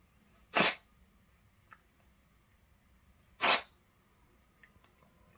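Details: Cat on the verge of sneezing: two short, sharp sneezes about three seconds apart, with small nasal snuffles between, in a quiet room.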